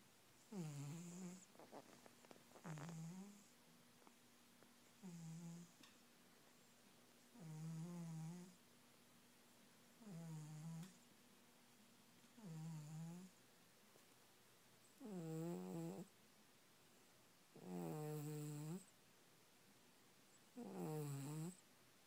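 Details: Sleeping cat snoring loudly enough to be mistaken for a person: steady rhythmic buzzing breaths, about 22 a minute, surprisingly loud for its size; snoring.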